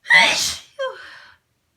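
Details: Sneeze induced by rolled-up tissue in the nose, person with a sensitive nose (possible cold or allergy): a single forceful, hissing sneeze followed by a short voiced exhale.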